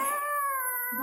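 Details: Infant with a cough, crying: a sustained, high, clear wailing cry.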